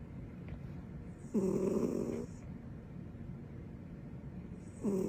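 Short rattling snore on each breath in, two snores heard over steady room noise; ordinary snoring.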